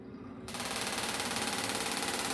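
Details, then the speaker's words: Radial (pulse/pressure wave) shockwave therapy device for plantar fasciitis and foot pain, compressed-air handpiece driving a metal bullet against a transmitter head, turned up in intensity and speed: dense, fast rattling of sharp mechanical strikes like rapid gunfire. "this hand piece itself is designed to be able to control two things one is how fast that metal bullet goes up and down and hits that transmitter head and how hard it hits against that"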